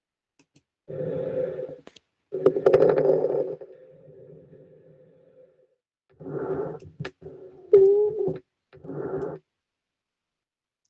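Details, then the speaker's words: Lung recording played as an exam listening exercise: crackles with wheezes, described as subcrepitant (coarse) crackles with larger, wider, lower-pitched bubbles. "pero en este caso sí es subcrepitantes porque la burbuja es más amplia, más grande."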